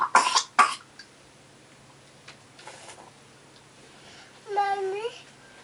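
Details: Child cough: two sharp coughs, then quiet breathing and a short whimpering sound over steady room hiss.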